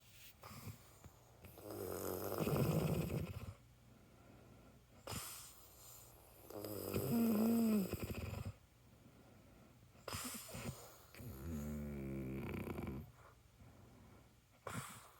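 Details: Adult woman snoring in sleep: loud, rough snoring on in-breaths about every five seconds, quiet pauses between, room noise behind; snoring.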